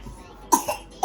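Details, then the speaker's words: Two short, somewhat loose coughs and the start of a third from a young child with a cold, bringing up phlegm. "keluar dahaknya keluar dahaknya keluar dahaknya kayak mana kamu nih jorok"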